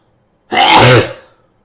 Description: I currently have a cold, and decided to induced some sneezes my nose is very sensitive